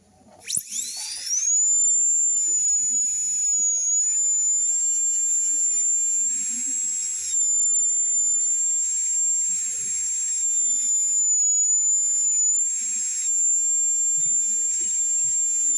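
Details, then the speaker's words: Steady high-pitched whine of a high-speed dental drill with a long, fine-grit, round-ended tapered bur preparing the whole labial face of an anterior tooth for a veneer, with faint low room sounds. "Vamos a tomar el diseño de la misma fresa, pero esta vez en grano fino. Y es la troncocónica de punta redondeada de longitud larga, para que me abarque toda la cara vestibular."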